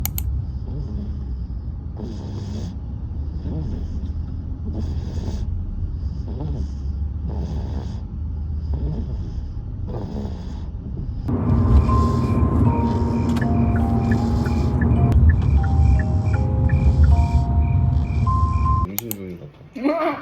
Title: 5개월 아기의 리얼 코고는 소리 #방해금지 #아기일상 #코골이